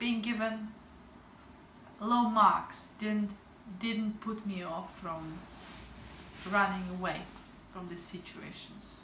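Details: Stuttering in an adult woman who began stuttering at age 12 and has since gone through a stuttering program, still reporting slight speaking difficulty; word repetitions audible.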